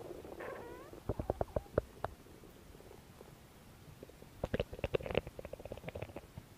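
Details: Gurgling squelches and bursts of popping, bubbling belly noises in two clusters; ordinary stomach growling from gas and fluid moving through the gut, recorded as ASMR belly noises.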